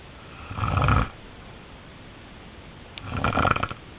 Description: This is me sleeping. I stop breathing for 40 seconds at one time, I believe.